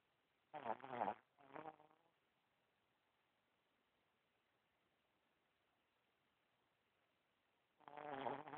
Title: Still snoring